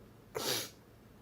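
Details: Sneeze from a Japanese girl: a single short, hissing burst of air, a soft sneeze, with faint background noise.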